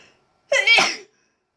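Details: Self-induced sneeze: a single voiced sneeze, with a short rising intake and then a loud burst.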